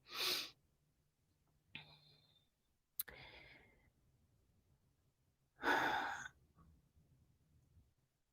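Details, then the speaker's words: Small diaper-wearing dog sleeping at the owner's feet makes loud snorting breaths with a faint whistling tone between them in a quiet room; snoring. "this little uh this little mini mini diaper wearing doggy over here is snoring at my feet so if y'all hear that that's"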